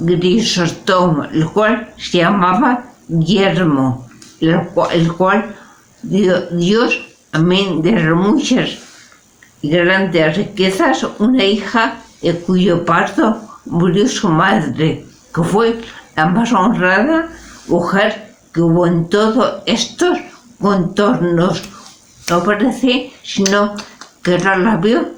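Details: Spanish-speaking adult with aphasia, a member of an aphasia association, reading Don Quijote chapter XII aloud in a pre-recorded session; aphasia.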